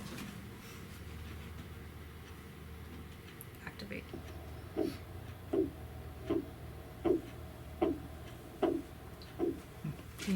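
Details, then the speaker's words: Arterial pulsed-wave (PW) Doppler signal on a Mindray TE5 ultrasound, recorded right after the IVC: rhythmic whooshing pulses at about 78 a minute after a quiet hiss, a normal arterial heartbeat-like Doppler sound. "so that's the sound of my IVC now I'm going to do arterial so you can hear the heartbeat sound"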